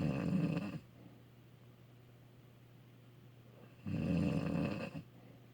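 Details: A person asleep: two loud, low rattling snores on breathing in, about three seconds apart, with quiet breathing out between them; ordinary snoring.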